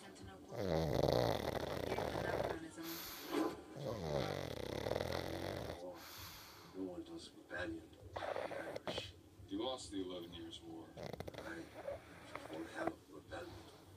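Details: Sleeping pug: irregular rumbling, snorting breaths; snoring.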